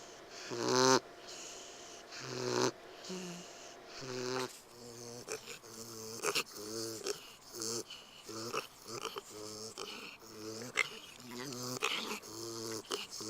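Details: Roughly 10-week-old, 13 lb pig with worsening noisy upper airway breathing, loud rattling tonal sound each breath, bulldog-like per vet; antibiotics and Benadryl failed; airway obstruction, epiglottis or soft palate suspected; louder awake than asleep.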